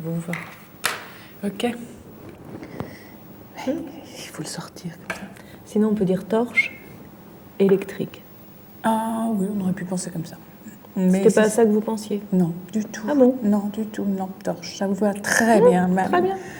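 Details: Fluent aphasia in a female patient with a brain lesion, with word-finding difficulty, word substitutions and distorted words, during a picture-naming task.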